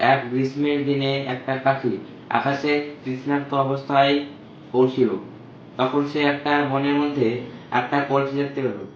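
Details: Male patient whose voice was previously thin and high-pitched, speaking Bengali after voice therapy at a clinic; normal male voice pitch after voice therapy for high-pitched voice.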